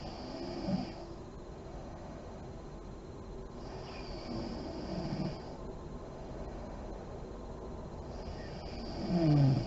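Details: Adult woman (a mother) asleep with lights on, described as deep REM sleep: slow, deep breaths with soft low rumbling and a louder snort at the end, over hiss; snoring.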